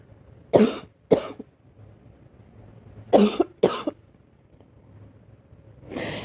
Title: Girl coughing 190